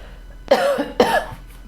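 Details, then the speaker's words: Two short, dry coughs from an adult woman in a quiet room, a brief irritant cough she attributes to a candle she says she is allergic to. "pardonnez-moi c'est la bougie je suis allergique aux bougies et j'en mets une toujours je sais pas ce qu'il m'aide dedans qui fait que ça me fait tousser à chaque fois"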